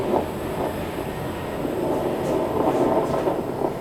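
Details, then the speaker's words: Fetal heartbeat heard with a Doppler monitor on a pregnant woman's belly: rapid whooshing pulses roughly 150–190 a minute; mother's legs noted as swollen. "heartbeat. I'm not wild about using this Yeah. because it's not really all that good for the baby, in my opinion. So, but we heard the baby's heartbeat, and that's what we wanted to hear."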